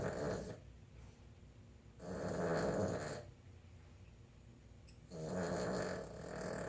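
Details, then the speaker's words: Female Boston Terrier snoring while asleep in the owners' room, snoring all night: rhythmic rumbling snores about every three seconds with quiet pauses between. "Tried to be nice and let her ass sleep in here. And this is how she do us all night."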